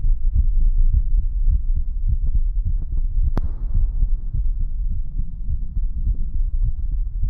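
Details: Heartbeat sounds from a 30-minute ASMR relaxation and sleep recording by a VTuber: muffled, steady low thumping heartbeats with a continuous low hum and one sharp click.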